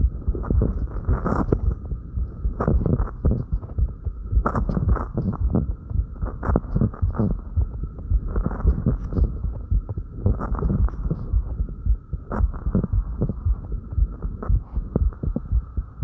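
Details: Fast, strong heartbeat at about 110 per minute right after light exercise (crunches), with breathing and movement noise; rapid heartbeat after exercise.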